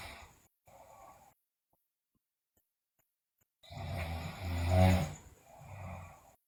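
Loud, rough, low-pitched breathing noises during sleep, with a long silent pause between breaths; heavy snoring.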